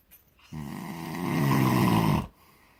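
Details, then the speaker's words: Loud, rough, rattling snore lasting nearly two seconds, growing louder through the breath; snoring loud enough to hear from the living room. "hear it from out in the living room."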